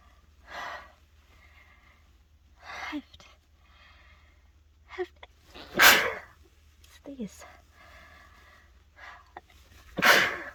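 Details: Adult stuffed up from a cold sneezing after taking a dose of chhinkni: quiet breathy inhalations building to two sharp, explosive sneezes a few seconds apart, repeated sneezing.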